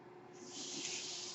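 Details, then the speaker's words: Steady rising airy hiss of a mechanical ventilator delivering a breath, with faint room hum, heard while the ventilator user speaks on a podcast. "Hello everyone, my name is. That noise you're hearing is my ventilator."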